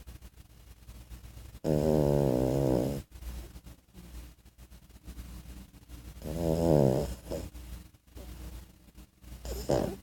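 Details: 14-week-old French Bulldog puppy snoring in sleep: loud, rough, rattling snores in long drawn breaths with quieter snuffling between them, typical of a flat-faced dog.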